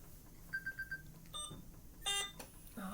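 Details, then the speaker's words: A run of short high beeps then a brief electronic tone burst in a quiet hospital room from the PCA pump of an inpatient with scleroderma, the alarm about pushing the PCA button; PCA pump alarm. "so i do not know oh this is my alarm to push my um pca button"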